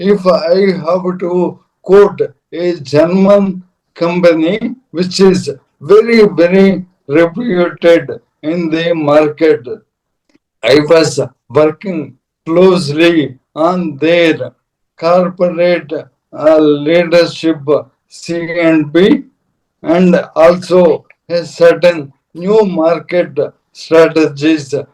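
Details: Dysarthria in an adult man: Parkinson's disease from 2022, diagnosed late, very severely affecting speech and mobility; later diagnosed with ALS / motor neuron disease last year.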